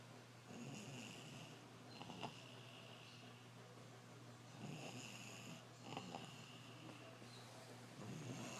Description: A little 2 year old heavy snorer.